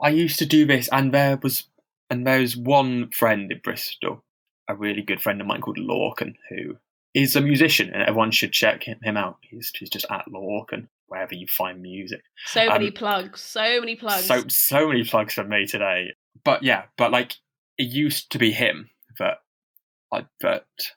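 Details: Stammering in a man who stammers and reports experiencing heavy blocks, speaking as co-host of a stammering association podcast; real, not acted.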